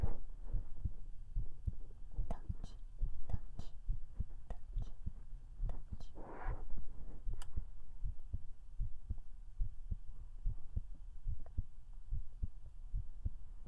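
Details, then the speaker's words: Adult woman's normal heartbeat recorded on a KU100 binaural microphone for ASMR: steady, regular low thumps with faint rustling. "How did you like that? Ikaga deshita de shou ka? Did you like the sound of my heartbeat?"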